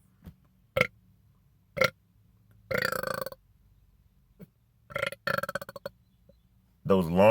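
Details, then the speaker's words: Man burping after drinking soda: several loud, croaking burps, some long and rattling, separated by silence; repeated belching. "oh that was kind of long see the long burps that there's something to be said about those type of burps man"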